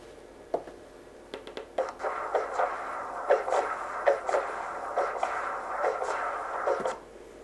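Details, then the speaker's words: Continuous wave Doppler of aortic outflow from the subcostal (subxiphoid) view in a female dog during echocardiography, with the beam through the aortic valve showing peak aortic velocity, and aortic regurgitation also present. "and here I have her Peak aortic velocity in this particular dog we also have aortic regurgitation"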